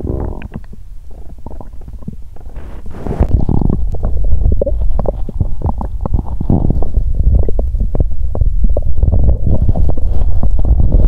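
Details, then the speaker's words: Active bowel sounds (borborygmi) when hungry, after exercising on an empty stomach: loud, continuous low gurgling and rumbling with frequent bubbling pops; normal stomach growling. "Nghe nhiều âm thanh khác nhau thật buồn cười 😂 ♪"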